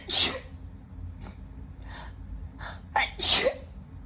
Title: Sniffly sneezing fit